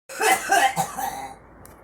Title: girl coughing